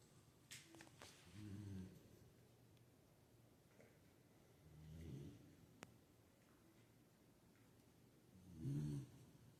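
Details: Sleeping Beagle dog: slow, rumbling snores, about three over nine seconds, in a quiet room; dog snoring.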